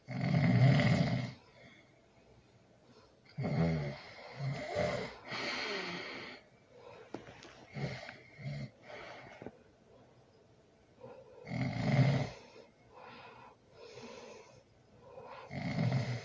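Loud rattling snores, four or five over sixteen seconds, with quieter breaths between; snoring during sleep.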